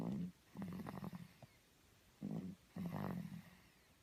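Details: Soft rattling snoring during sleep: short, low, fluttering snorts in quick bursts with brief pauses.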